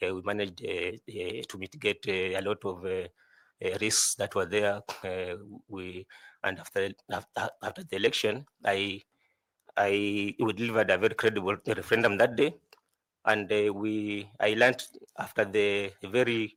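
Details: 41-year-old male candidate who says he stammers a lot; stuttering with repeated words.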